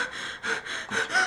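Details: Simulated dental-surgery emergency training: a patient hyperventilating after an apparent asthma attack, with fast, loud, gasping, rapid shallow panting as staff remove her mask and coach her to breathe calmly.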